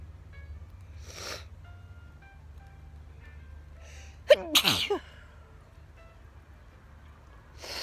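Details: Single sharp sneeze with a quick intake before it, outdoors in a summer garden with faint background music, attributed to a grass allergy; sneezing.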